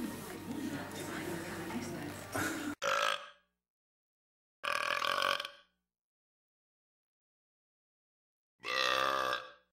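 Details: Real footage of a man burping in public after a few drinks: room noise, then three short, throaty belches separated by silence. Burping.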